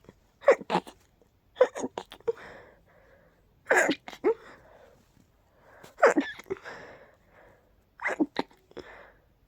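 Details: Person who is highly allergic to pollen: four bursts of sharp sneezes, several in quick succession with sniffing between them; repeated allergic sneezing.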